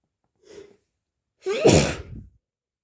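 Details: Hay fever sneeze: short in-breath, then one forceful explosive sneeze.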